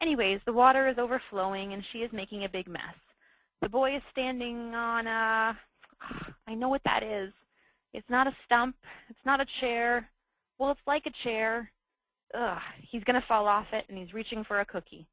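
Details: Demonstration of anomic aphasia (word-finding difficulty) after stroke, shown for stroke patient education.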